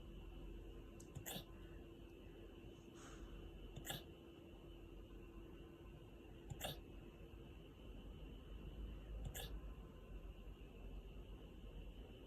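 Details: Husky wolfdog hiccuping: four short, sharp hiccup-like clicks about three seconds apart, roughly 20 per minute, over steady background hum; hiccups.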